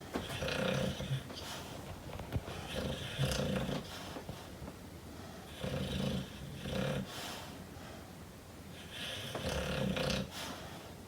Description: Hank my Mastiff snoring and dreaming on chair. #duanesworld #subscribe #boozinblogger #shorts #mastiff #hank